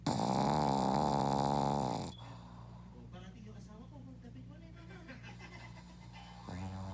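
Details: Loud, rattling snore followed by quieter breathing with a steady room hum, then a second snore beginning.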